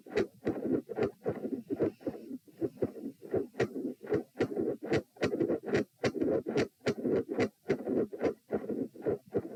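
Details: Heart sounds at about 73/min, recorded at position p with the patient lying down during attempts to provoke murmurs: loud, split S1 and S2 with a midsystolic murmur.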